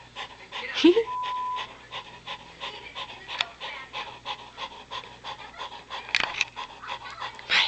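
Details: 6-month-old female Saint Bernard puppy during a deep nap: rapid, regular short breaths, about two to three a second, with a brief whimper; dog panting.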